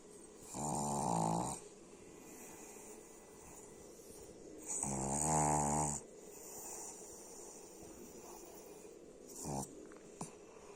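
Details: Two loud, vibrating inhaled snores about four seconds apart, then a short snort; snoring during sleep.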